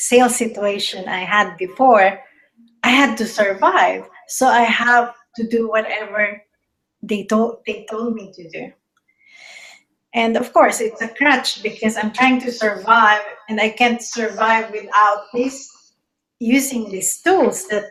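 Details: Adult woman speaking; Normal adult speech.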